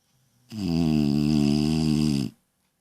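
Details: Small female dog Ella snoring loudly: one loud, steady, buzzing snore lasting about two seconds; snoring.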